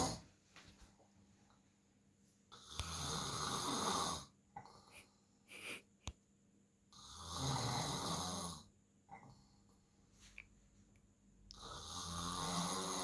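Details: Loud, harsh snores with rattling breaths in between, about every four to five seconds: heavy snoring from a big male sleeper.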